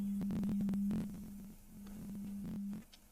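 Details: Online pure-tone hearing test through headphones, uncalibrated, low frequencies 50 to 400 Hz: low steady tone pulsing and shifting in loudness as the level steps up and down to find threshold.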